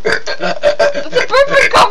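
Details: Two people holding a deliberate burping conversation, burping every word: a long run of voiced burps shaped into word-like syllables, one continuous belch talked through; voluntary burping.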